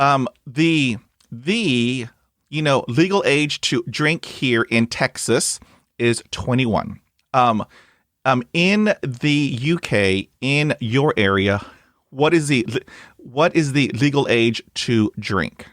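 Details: Adult male who stutters, with hesitations and repetitions heard; stuttering.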